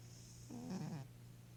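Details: Soft, single short nasal snore over faint room hum from an 11-year-old female Maine Coon cat with hyperthyroidism and kidney disease, asleep and dreaming; light snoring.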